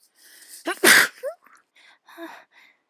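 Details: Sneezing with a cold and an itchy nose: a quick inward gasp, then one loud explosive sneeze and softer breathy sounds after it.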